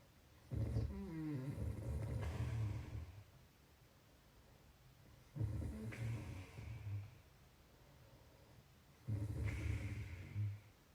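Three loud, low, rattling snores on breathing in, with quiet pauses between, roughly every four seconds; ordinary heavy snoring.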